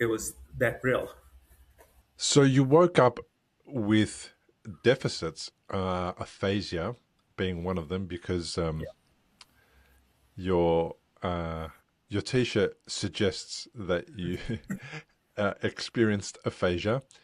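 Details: Adult male speaker; unaffected speech.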